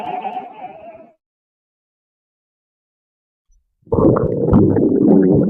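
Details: Stomach rumbling sound effect: short tonal gurgle, a pause, then a loud, rough, bubbling growl.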